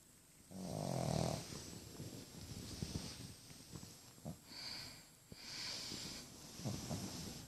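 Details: Snoring in a pug: rough, rattling snores with snorting catches on the in-breaths, faint room noise.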